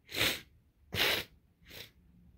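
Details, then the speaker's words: Simulated (acted) sneezing by a person in a dusty, long-unused tent: three sharp, hissing sneezes in quick succession, the last one softer. "and I can't keep spraying you"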